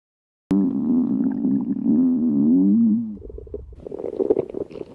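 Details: Stomach growling (borborygmi): a loud, drawn-out, wavering growl, then softer bubbling gurgles.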